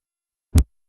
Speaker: the second sound is of shorter duration that is Dub